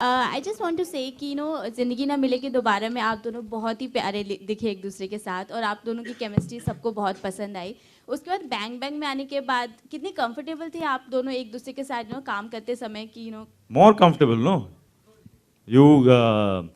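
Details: Adult woman interviewer; normal speech.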